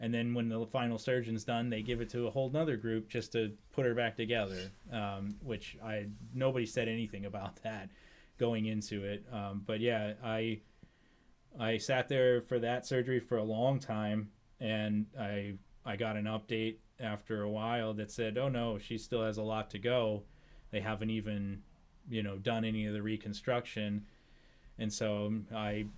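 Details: Adult man speaking; ordinary speech.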